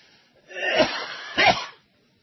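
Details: Two short, dry cough bursts from an adult who reports illness, without mucus rattle or a whooping intake of breath.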